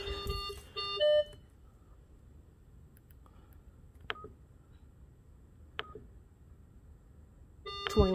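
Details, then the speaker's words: Datex-Ohmeda Aestiva/5 anesthesia machine during O2 sensor calibration: short electronic beeps and tones as setup menu options are selected, with quiet room noise between. "all right this video is on how to calibrate the o2 sensor on the anesthesia machine we are going to go ahead and go under our main settings"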